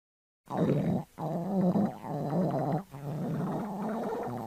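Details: Stomach growling (borborygmi).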